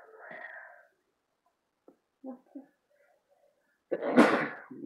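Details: A forceful, explosive sneeze near the end, preceded by faint voices, brought on deliberately with chhinkni sneezing powder amid repeated sneezing.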